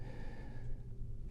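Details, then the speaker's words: Imitation of involuntary inspiratory phonation in bilateral vocal cord paralysis: a low, voiced moaning sound on breathing in, as heard all night during sound sleep. "when sleeping at night uh they may make noise all night long but they're sleeping soundly and uh they're bothering people around them and they're told oh you're kind of Moaning all night long"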